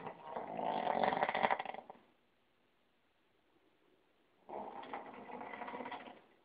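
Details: Third snoring recording in an ongoing series: two rough, rattling snoring breaths with a quiet pause between; snoring.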